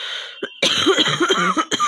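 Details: A short harsh cough, then a longer rough run of coughing in quick bursts; a real cold-related cough recorded for a long cough challenge.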